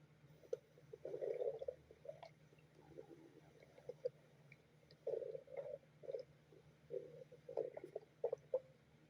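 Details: A dog's stomach growling, with irregular gurgling and rumbling bursts from the belly: borborygmi.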